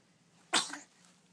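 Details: Baby boy around 3 weeks old sneezing: one short, sharp, hissing burst of air in a quiet room.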